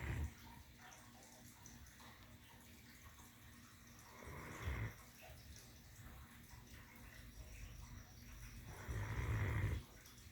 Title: Dream girl the Great Dane snoring while laying on her pillow.